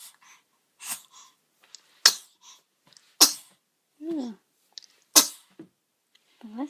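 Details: Three sharp, explosive sneezes with short breaths and brief vocal sounds between them, someone in the room answering once; sneezing.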